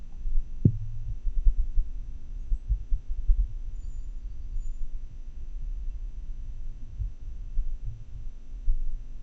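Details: Irregularly irregular heart sounds during an atrial fibrillation episode, recorded with a funnel transducer on a desktop microphone via PC sound card: muffled, noisy heartbeats at irregular intervals with no regular pattern.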